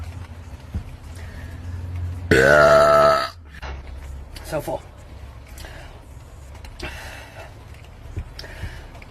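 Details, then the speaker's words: One loud, drawn-out belch lasting about a second by a woman, with quiet room noise after; burping. "full that was actually a pretty good one"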